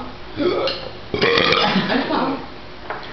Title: BURP!.MOV